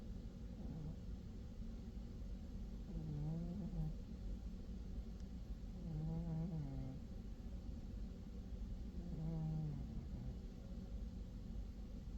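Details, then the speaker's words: Pet cat snoring while asleep: soft, rhythmic snoring with low buzzing rattles on about three breaths, under a steady background rumble. "Cookie. You snoring, buddy."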